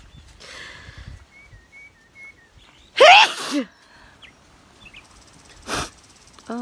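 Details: A single sharp sneeze outdoors against a quiet background with faint chirps, then a later sniff-like burst.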